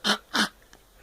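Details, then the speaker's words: Two short, dry, deliberate cough bursts in quick succession, made on request to get a cough drop rather than from illness. "that's coughing uh-huh are you sick oh poor baby what you need a cough drop for me todd because why and he has my bed"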